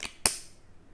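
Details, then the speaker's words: Skin staple remover demonstration: a faint tick, then one sharp metallic snap as the remover closes, folding a surgical skin staple so it comes out. "है तो यह बाहर आ जाता है इससे कुछ भी पेशंट को प्रॉब्लम नहीं आती है"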